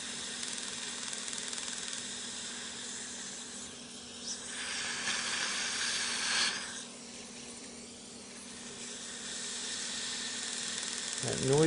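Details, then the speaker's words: Steady hissing with rapid, faint pulsing from a dental laser sculpting and shaping gum tissue for smile aesthetics after spot probing. The pulsing is the laser energy firing. "you're hearing on the laser is actually the pulsing of the laser energy itself"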